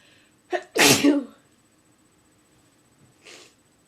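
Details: Adult who was slightly stuffy that day induces sneezing by tickling the nose with a chopstick: a quick inward catch of breath, then one strong, forceful, slightly wet sneeze, then a soft sniff.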